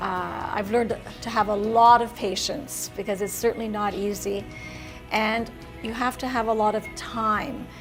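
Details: Adult woman (caregiver) speaking; normal fluent speech.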